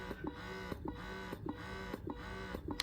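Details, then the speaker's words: Wearable cordless breast pump in expression mode, which follows two minutes of stimulation, recorded in a quiet room: low electric motor hum with a rhythmic suction cycle about every 0.6 seconds; said to sound quieter when worn. "it will sound less it will sound less noisy when you put it on yourself so let here Spectra again all right you know because this is a quiet environment you hear it a bit now"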